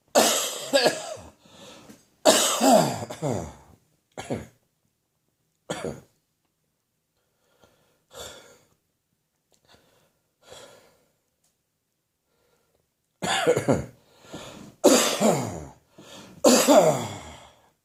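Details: Bouts of harsh, wet coughs with quiet gaps: a morning productive coughing fit as overnight throat catarrh runs down into the chest, in a cough that is slowly improving.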